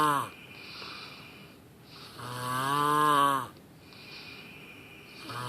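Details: Loud snoring that rises on each breath in, with quiet breathing between, about two breath cycles heard.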